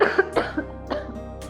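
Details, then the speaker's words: Staged cough-syrup advertisement: a girl with a cough the day before her exam coughs after telling her brother she doesn't know how she will manage to revise. "भैया मुझे तो खांसी हो रखी है, कल मेरी एग्ज़ाम है, पता नहीं आज मैं कैसे रिवीजन कर पाऊंगी।"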